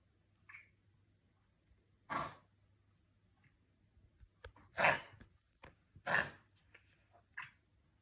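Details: Dog's reverse sneezing episode, harsh abrupt snorting bursts through the nose; described as not an emergency.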